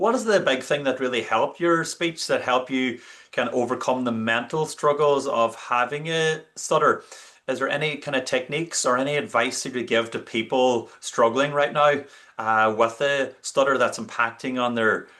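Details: Adult male speaker; normal fluent speech.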